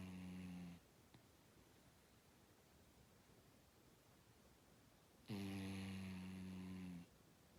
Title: snoring